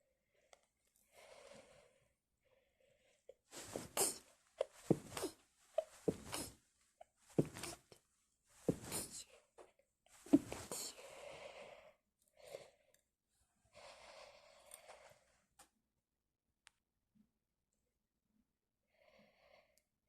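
A rapid run of about six forceful sneezes in quick succession, with softer breaths and tissue rustling between them. A sneezing fit.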